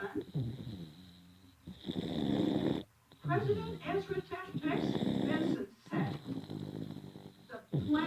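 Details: Loud, rough, rattling snores in repeated breath cycles from a sleeping infant (a very young baby) who fell asleep in church; room hum in the background; snoring.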